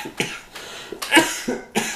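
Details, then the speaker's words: Adult coughing while trying to take cough medicine: three or four sharp, harsh cough bursts with short gaps, in a small room. "wasn't my fault i started coughing okay"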